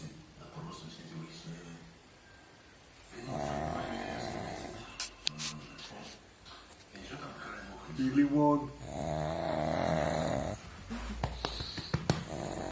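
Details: Sleeping pug snoring: loud rattling, snorting sleep breaths from a small flat-faced dog, with soft talk nearby.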